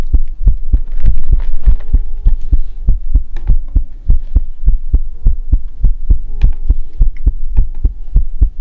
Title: Heartbeat asmr | 2022-06-10